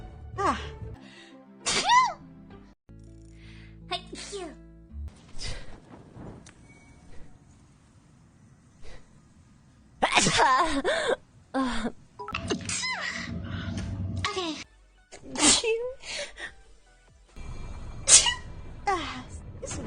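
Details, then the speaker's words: A string of sneezes from different vtubers, some with brief exclamations like "excuse me", over background music; one says their nose is bothered by allergies. "excuse me excuse me oh god my nose i have allergies"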